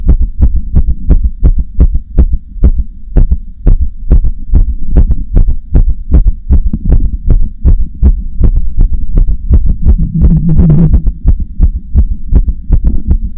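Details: Heartbeat: steady lub-dub heart sound pairs at about 80 beats a minute, with a low hum underneath.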